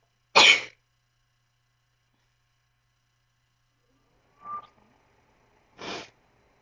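A sharp, hissing sneeze, then a brief sniff and a second, softer sneeze a few seconds later.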